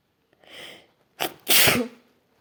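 A quick intake of breath, a short catch, then one loud explosive sneeze.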